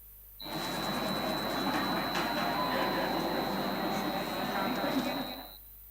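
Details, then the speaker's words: Simulated tinnitus at 59 dB, its pre-treatment level: a steady high-pitched tone ringing clearly above busy cafeteria chatter. "imagínense que van a entrar en esa cafetería con el tinnitus al nivel que estaba antes de empezar el tratamiento osea 59 decibeles"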